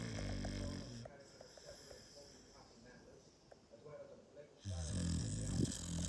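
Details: Sleeping dog snoring: low rumbling snore with a quieter stretch between louder breaths; light room noise.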